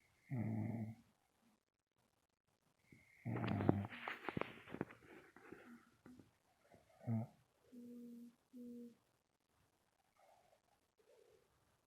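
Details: Sleeping dog snoring: irregular snorting, rumbling breath noises with a few whimper-like tones.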